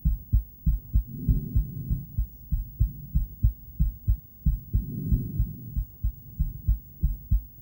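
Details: Female heartbeat picked up by an ultrasonic Doppler device: steady low thumping at about 95 beats per minute, with whooshing flow between beats, a normal heartbeat.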